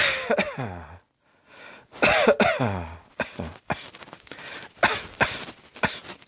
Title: Cross Dressing Coughing 45